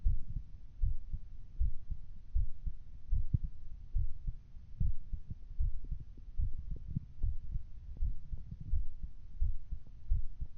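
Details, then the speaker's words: Normal heartbeat recorded through a phone: steady, low thumping at roughly 78 beats a minute with some low background hum. "Right, I heard you could hear your heartbeat. How about through your phone? Right, okay, hold on. I'm gonna figure this out. My regular heartbeat."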